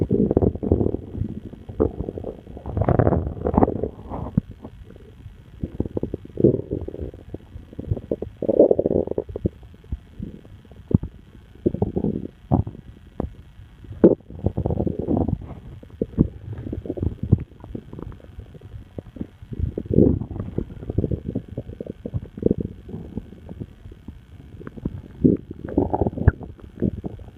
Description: My stomach started going nuts, so I made this recording.